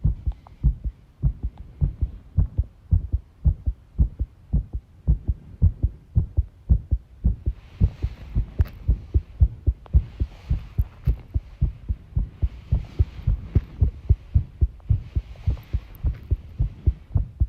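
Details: Heart sounds recorded by the person themselves while tidying a room, with arrhythmia noted: a fast heartbeat near 110 a minute with uneven beat spacing, an irregular rhythm, and rustling background noise.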